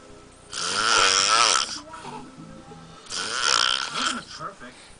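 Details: Large adult man snoring loudly on a couch within ten minutes of lying down: two loud, harsh, rattling in-breath snores about 2.5 seconds apart, with quieter breathing between.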